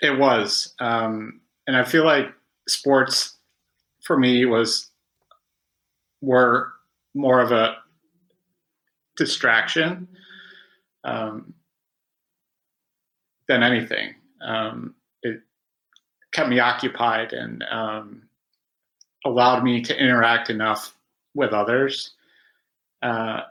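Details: Adult male who has stuttered since about age five, after about 20 years of speech therapy; stuttering.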